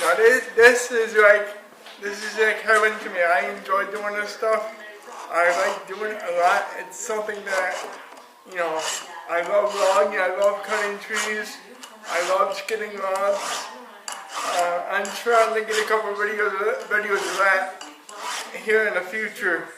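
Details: Adult with cerebral palsy who uses a power chair; cerebral palsy is named but no speech disorder is named; dysarthric speech in cerebral palsy.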